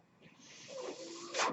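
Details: Breathing sound of the speaker's own mechanical ventilator during speech: a rising airy hiss with faint whistling tones swells to a loud rush of air as a breath is delivered.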